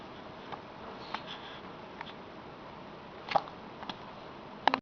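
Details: Infant hiccups: several brief, soft popping clicks in a quiet room, likened to suction cups.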